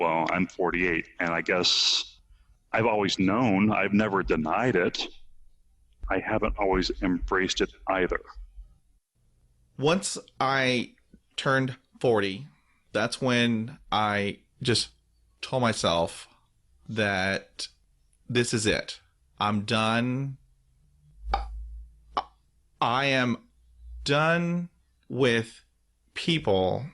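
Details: Real stuttering in an adult man who stutters, with repetitions and part-word repetitions; finding: stuttering.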